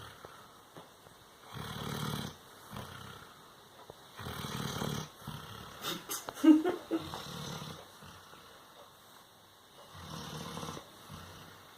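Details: Sleeping Doberman after a hard day: rough, rumbling snores recurring every few seconds, about four in twelve seconds, with quieter breaths between; snoring.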